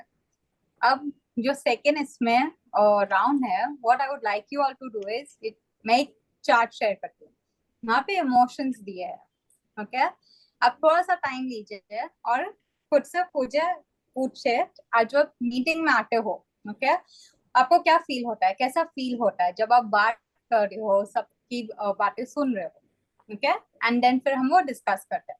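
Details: Adult woman; typical speech.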